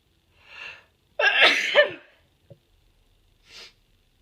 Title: strong itchy sneezes